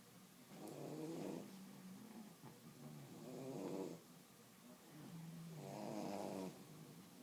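Soft, rumbling snores, three breaths in about seven seconds, roughly 24 a minute, from a sleeping dog.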